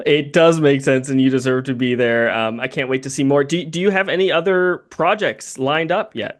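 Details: Adult man; typical speech.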